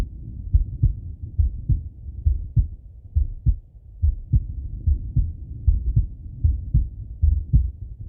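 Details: Stethoscope auscultation of a male's chest: regular low heartbeat, about 69 beats per minute, with soft breath noise rising and falling underneath; normal heart sounds.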